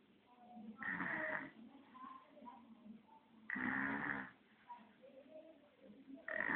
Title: 1 year baby snoring